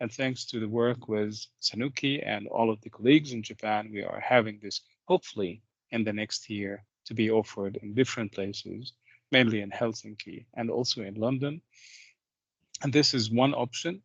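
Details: Adult male speaker, lecture; normal speech.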